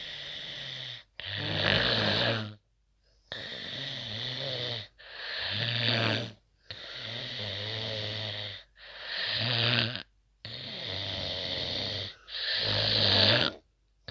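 Loud, harsh rattling snores on breaths about 16 a minute, with short silent pauses between them. Heavy snoring.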